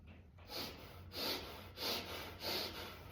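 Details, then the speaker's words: Paramedic lecturer vocally imitating Cheyne-Stokes respiration: breaths rising then falling in strength (crescendo-decrescendo) followed by an apneic pause, seen in brainstem herniation. "So Cheyne-Stokes, you'll see this in patients that, again, they're herniating onto their brainstem. It sounds like this. It's called a crescendo decrescendo with a pause."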